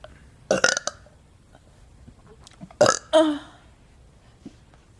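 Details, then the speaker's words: Girl burping: two bursts of loud, throaty belching, the second drawn out. "my stomach just feels like so much air bloated mhm me too oh don't burp on me"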